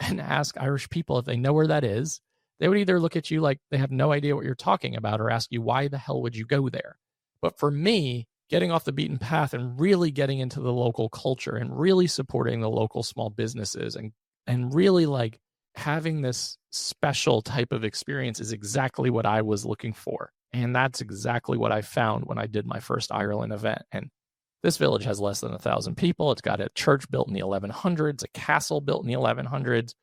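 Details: Adult man with one vocal cord paralysed after open throat surgery for a rare, chronic, recurring throat condition (endoscopic surgery in 2021, recurred within 4 months); voice improved but still fatigues daily, with vocal fry; unilateral vocal cord paralysis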